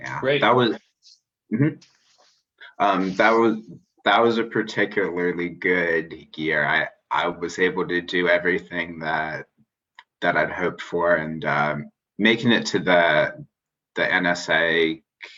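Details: Stuttering in an adult man who identifies as a person who stutters; finding: stuttering.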